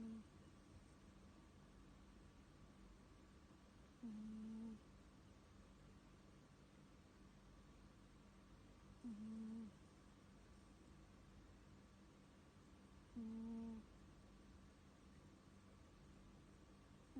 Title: CUTE CAT that SNORES 🤔